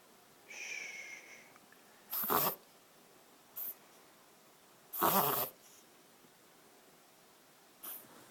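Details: A pet dog gives a brief whine, then a reverse sneezing episode of several harsh, noisy snorting inhalations with pauses; the owner says it is easy to stop.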